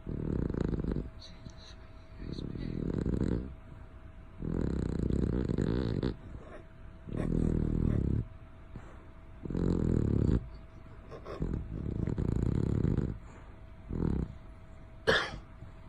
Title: Bear snoring 😴 loud 😂